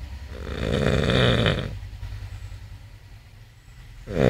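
A long, loud, rough rattling snore on the breath in, a quieter pause, then the next snore starting: heavy snoring.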